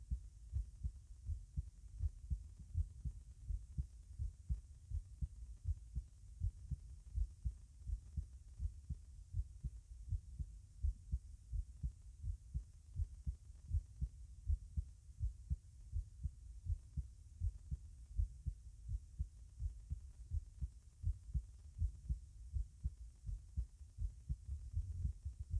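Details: Normal heart sounds heard over the tricuspid area with the person sitting: regular low thumps at about 80 beats per minute.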